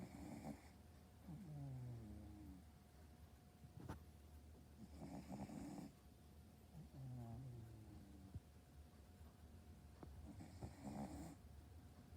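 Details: Boston terrier snoring: repeated low, rumbling snores with a whistling, squeaky edge on each breath, about 11 a minute.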